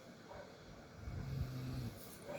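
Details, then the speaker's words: A father snoring while asleep, with their daughter beside him: a single low, rumbling snore rising briefly out of quiet room noise. "এই বাবা, বাবা, বাবা, হ্যাঁ নাক ডাকছে। এটা পাপাকে দেখাবো, পাপা তো বিশ্বাস করে না নাক ডাকে।"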